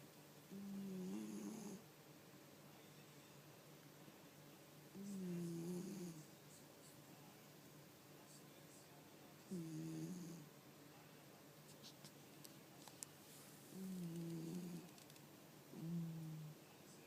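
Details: Pet cat sleeping soundly in an odd position, snoring loudly: low rattling breaths about 14 a minute, each followed by a quiet pause; ordinary snoring in deep sleep.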